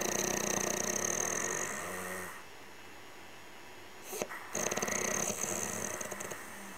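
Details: Loud, buzzing, fluttering snores on the breath, broken by a pause, in a noisy room; snoring during sleep.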